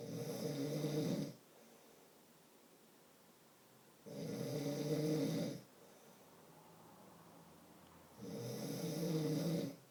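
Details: Adult man snoring in sleep: three loud, rattling snores on the in-breath, evenly spaced about 14 a minute with quiet pauses between; typical sleep snoring.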